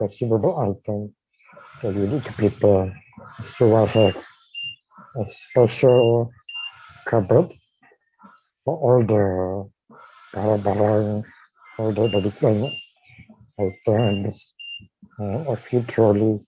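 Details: Dysarthria in a man with amyotrophic lateral sclerosis, diagnosed in 2018, with a tracheostomy placed in late September of the previous year.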